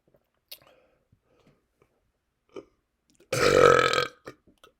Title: Burping with seltzer